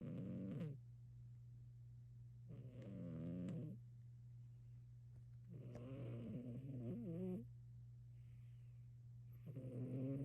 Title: Lazy Loud Cat! Greyson Snoring